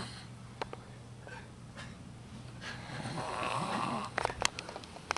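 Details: A rough, rattling snore swells on a breath, followed by sharp snorts and clicks in a small room; snoring.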